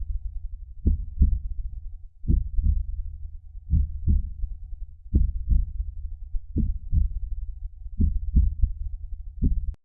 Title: heartbeat #sound #heartbeat #soundeffect